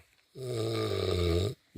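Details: Sleeping person: one long, loud, rumbling snore with a buzzing voiced quality, lasting about a second; snoring.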